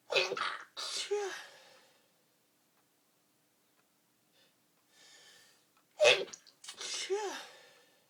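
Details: Early-morning sneeze attack while getting dressed: two forceful sneezes, each with a quick breath in before the burst, separated by a few seconds of quiet.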